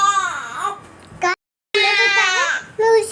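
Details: Newborn baby after delivery crying: loud, high-pitched wailing cries in bursts with brief pauses between; infant crying.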